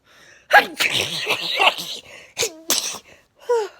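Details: An adult sneezes several times in quick succession, with sharp inward gasps between bursts, while cleaning a dusty room with cobwebs and mold.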